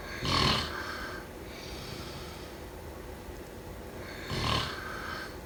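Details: A sleeping person snoring: two short, harsh snorting snores about four seconds apart over steady room hiss, with faint breathing between them.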